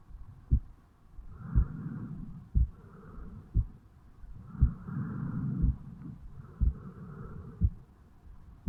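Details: Normal heartbeat of a 35-year-old man, self-recorded over the mitral valve area upon waking in the morning: steady, regular, about 58 beats a minute, with soft breath sounds between beats.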